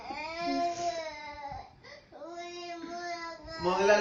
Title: Cute baby cry